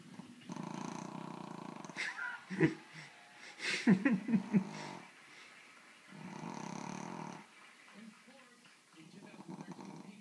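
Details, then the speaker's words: Cosita, a Brussels Griffon crossed with a Pug, snoring: loud, rattling, fluttering snores about every four seconds, with quieter room sounds between; heavy snoring in a flat-faced dog. "Like a wildebeest snoring."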